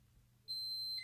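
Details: A single sustained high electronic beep in a quiet room at night: a child's feeding pump alert, signalling done or ready, around the start of her continuous overnight feed at home.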